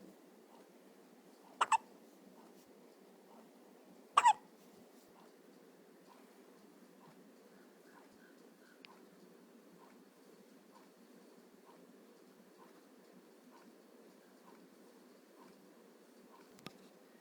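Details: Someone who often gets hiccups; two sharp, brief hiccups about two and a half seconds apart against a steady background hum: hiccups.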